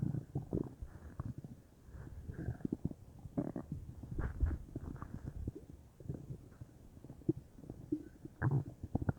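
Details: Bowel sounds (borborygmi); the person was unsure whether they came from stomach or intestines, with the whole belly feeling bubbly: continuous low gurgling and bubbling rumbles.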